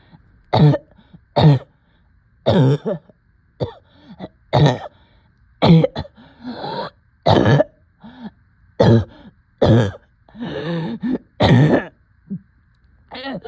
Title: Coughing and shortness of breath